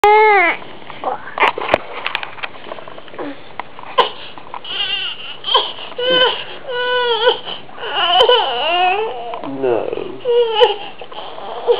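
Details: A young child cries in repeated wavering wails and sobs with brief catching breaths between them, later feeling better; crying.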